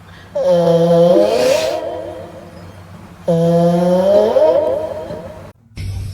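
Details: A cat snoring like a human: two long, droning, voiced snores, each on an in-breath, with a snort at the end. Loud snoring.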